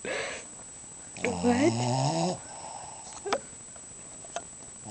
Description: My sister caught our dog snoring